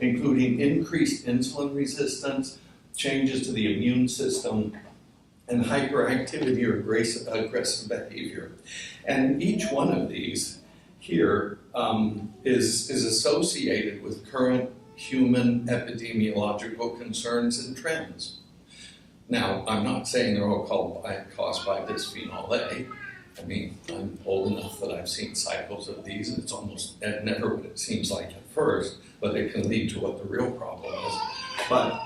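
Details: Adult male speaker with voice tremor from essential tremor, which he says also affects his hands; he says it ended his surgical work and is in his voice: voice tremor (essential tremor).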